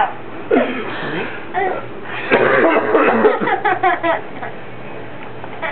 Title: coughing